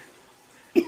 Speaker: bless you so sorry it was a big sneeze and i want y'all to hear it anyway